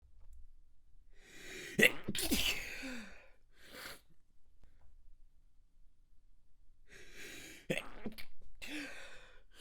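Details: Extremely wet stifled sneeze fit, sneezes held back to stay quiet as tickles grew stronger: several sharp sudden muffled bursts with quiet breaths and sniffs between.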